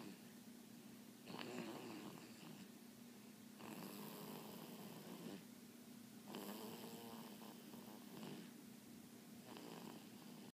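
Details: Soft rhythmic snoring from a sleeping pet, breathy rasps on each breath over a steady low hum; snoring.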